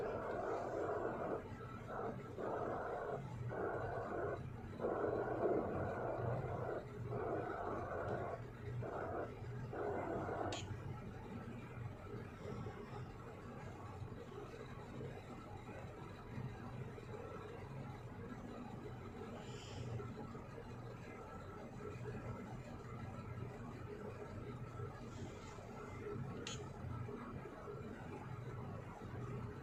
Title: Fetal heartbeat at 7 weeks gestation